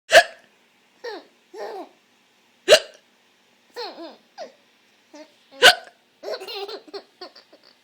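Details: Hiccups in a little child who laughs at them; three sharp hiccups about every three seconds, roughly 20 a minute, with giggling and babbling between.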